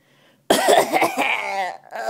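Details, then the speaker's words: A mother's loud, drawn-out, voiced cough, deliberately exaggerated to make her baby laugh, with a second starting at the end; cough (deliberately exaggerated). "is that funny you think it's funny when Mommy coughs"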